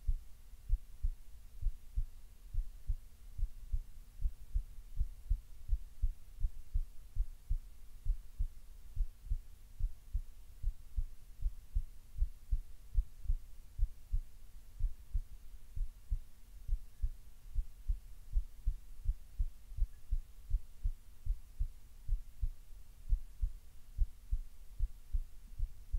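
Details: Relaxed but still slightly fast heartbeat: steady, deep thumps at roughly 90 to 95 beats a minute.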